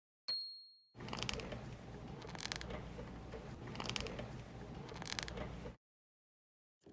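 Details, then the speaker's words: A continuous gritty grinding with repeated louder clicking bursts: knee crepitus recorded in a hospital from arthritis patients' knees. "이 소리 는 우리 무릎 에서 나 는 소리 입니다 . 아 , 소리 가 나네 . 정확히 . 방금 들으신 소리 는 자연 의 소리 나 곤충 소리 가 아닙니다 . 무릎 에서 나 는 소리 예요 . 사실 이 소리 는 병원 에서 관절염 환자들 의 무릎 소리 를 녹음 한 것 입니다 ."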